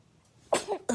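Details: Baby sneezing: a faint intake, then a small, sharp burst of breath, typical of an infant's sneeze.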